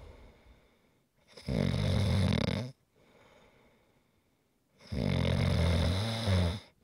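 Two long, harsh, vibrating snores on the breath in, separated by a soft breath out, at a slow sleeping rhythm: snoring.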